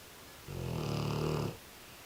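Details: An American Bulldog snoring in his sleep: one long, low, rumbling snore lasting about a second in a quiet room, one of his quieter sessions, as he often snores much louder.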